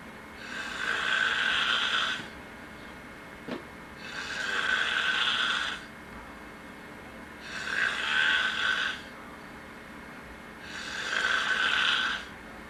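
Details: Snoring while asleep on a couch: four rough, rattling snores on breathing in, each about 2 seconds long, at about 18 breaths a minute, with quiet room noise between.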